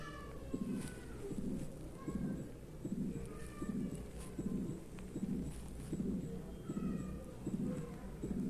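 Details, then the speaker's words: Ejection click at the aortic outflow, high-pitched and loud, followed in the next part by an added systolic ejection murmur; a sprinkler-like noise is an artifact. Aortic stenosis: ejection click with systolic ejection murmur. "y se escucha el clic eyectivo. Se escucha de tono alto, o sea, es fuerte. Pero aquí en la siguiente parte del audio van a ver que se añade un soplo."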